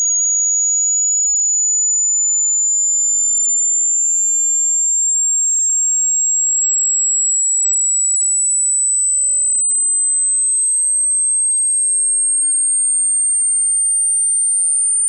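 A single steady, very high, pure whistle-like tone rises slowly in pitch throughout; a generated tone for a hearing test.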